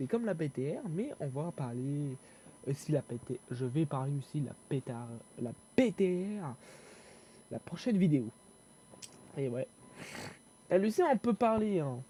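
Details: Young male French speaker who self-reports stuttering and difficulty speaking, with panic or stress from fear of mockery; stuttering.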